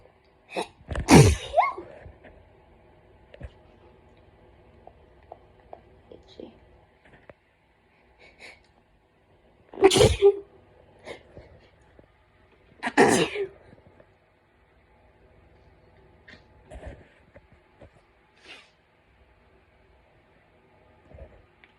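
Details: Intense autumn hay fever sneezing: three forceful, explosive sneezes with sharp intakes between them, plus quieter breaths and sniffs, from someone with a hoarse, painful throat.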